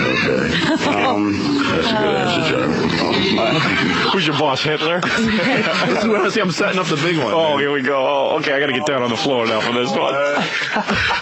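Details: Adult male speakers on a radio broadcast; no speech disorder.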